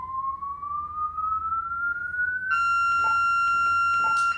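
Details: Corpuls defibrillator in manual mode, training demonstration: charging tones as energy rises to 200 joules, then the shock-ready alarm tone while the shock button is held to deliver on the R wave.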